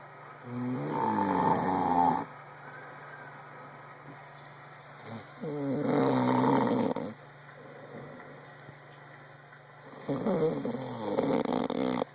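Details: Adult man asleep: three loud, rattling snores on breathing in, spaced about four seconds apart, with quieter breathing between; ordinary snoring.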